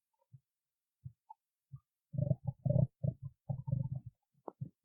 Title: stomach growling 8